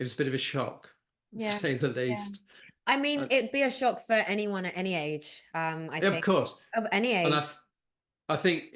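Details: Adult woman speaking; normal speech.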